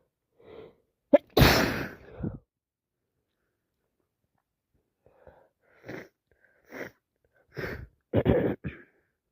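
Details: Repeated real sneezing from a full-blown common cold with wet sneezes: a quick gasp, one forceful sneeze, then short catching breaths and partial sneezes.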